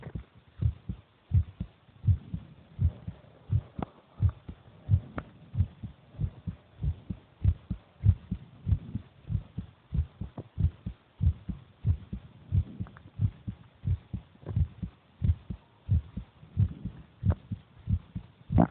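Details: Heartbeat of the speaker's brother recorded while he eats: steady low thumping at about 90 beats a minute with muffled background noise.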